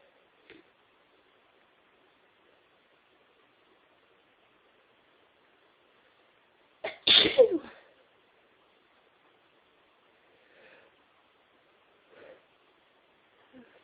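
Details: Deliberately induced sneeze: one forceful sneeze in a quiet room, with a few faint sniffs and small sounds around it. Sneezing.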